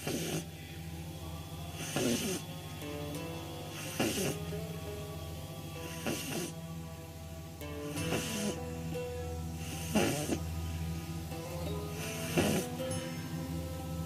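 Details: A 9-week-old female pug puppy asleep on her back with eyes rolled back, snoring: snorting snores about every two seconds, roughly 29 a minute, over background music, recorded on a phone.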